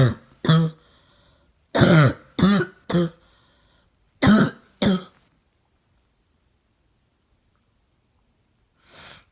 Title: Barking cough